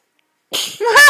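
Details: Young boy sneezing on request as a party trick: a quick breathy intake, then a sharp, voiced burst; a single sneeze.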